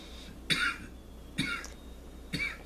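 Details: Three short, sharp, throaty coughs about a second apart after inhaling smoke from a burned herb (cannabis) in a demonstrated 'healing cough': dry smoke-irritation coughing.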